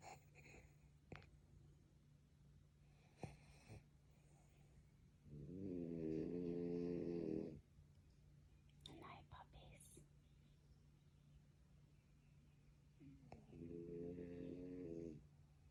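Two drawn-out, vibrating snores about eight seconds apart, with soft rustling and room noise between them.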